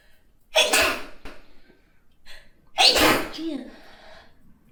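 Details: Two forceful, hissy sneezes from an adult woman, each a sharp explosive burst with a brief vocal tail, about two seconds apart; ordinary sneezing.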